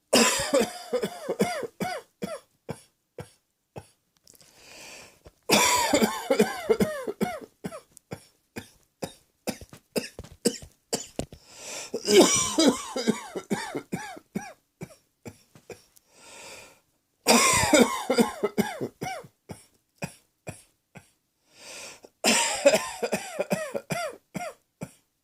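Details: Acted adult coughing: repeated fits of quick harsh coughs with brief gasping breaths between bouts, with laughter and music.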